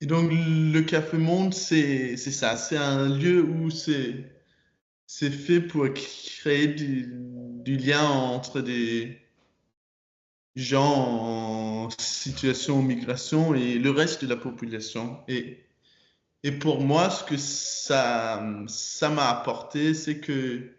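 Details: Stuttering in a 22-year-old man speaking French, with repetitions and blocks. His stutter was very strong when he was younger and still affects him.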